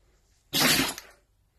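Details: Dog sneezing indoors: a single sharp, hissing burst of air in a quiet room; sneeze.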